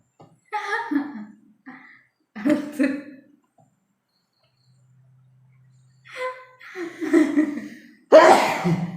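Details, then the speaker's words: During a sneezing challenge, breathy sounds and brief voicing follow putting something into the nose to trigger a sneeze, then one sudden, forceful sneeze at the end. "ഞാൻ തോറ്റു. അയ്യോ ഞാൻ തോറ്റു, ശരിക്കും തോറ്റു. ഞാൻ തുമ്മലിൻ്റെ മൊത്തം ശരീരം ഇളകി."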